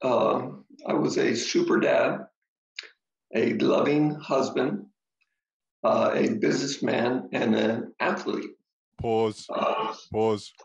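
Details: Adult man, stroke survivor: ischemic stroke treated with TPA, which then caused a hemorrhagic stroke; struggles to get through a sentence; aphasia with brain fog.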